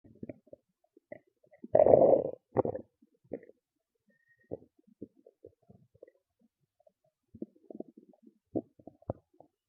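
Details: Loud stomach growls and gurgles: a loud gurgling growl followed by softer scattered gurgles and pops; ordinary bowel sounds (borborygmi).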